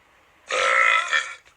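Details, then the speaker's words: Voluntary burp made on request during a live stream: one loud, drawn-out belch of about one second, ending in a brief tail. "I made wonder what allowed her long burp I don't know let's see what I got right now in the supply of burps it's not gonna be good"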